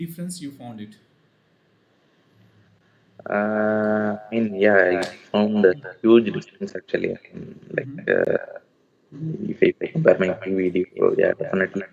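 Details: Adult male with puberphonia (previously high-pitched, female-like voice with occasional dual voice), recorded after voice therapy, now reports a stable voice; finding: puberphonia, corrected after voice therapy.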